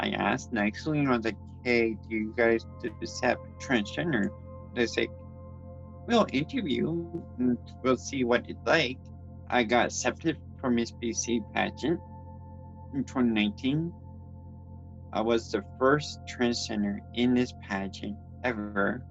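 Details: Dysarthria in an adult transgender woman born with cerebral palsy (congenital), who reports speech issues, grammar difficulties and that people sometimes cannot understand her; background music plays under her speech.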